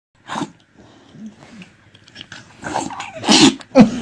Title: This Dog's Sneeze Is Amazing | UNILAD